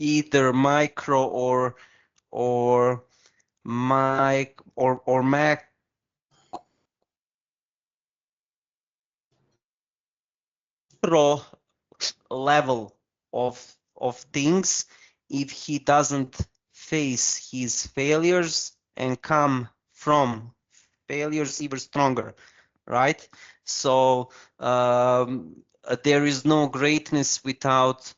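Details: Stuttering in a male podcast co-host who stutters; audible word repetitions such as "or or" and "of of".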